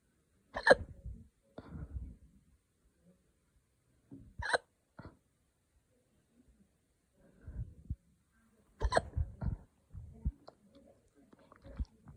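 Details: Hiccups after drinking wine too fast: three sharp hiccups about four seconds apart, each a sudden catch of breath followed by softer breathing sounds.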